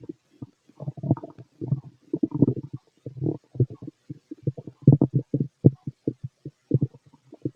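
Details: Stomach growling in a fit male, heard through a stethoscope over the abdomen: frequent low gurgling and rumbling bursts; ordinary active bowel sounds.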